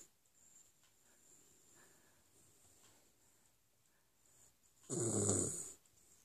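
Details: Sleeping West Highland White Terrier (small dog) with quiet, faint breathing, then one loud, rough snorting snore near the end: snoring.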